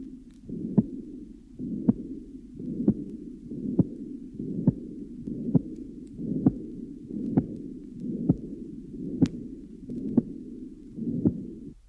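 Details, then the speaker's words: Third left interspace of a patient with patent ductus arteriosus: heart rate about 66 a minute, sharp loud second sound, continuous machinery murmur through systole and diastole, even more apparent here. "in the third left interpace of the same patient the Machinery character The Continuous murma is even more apparent"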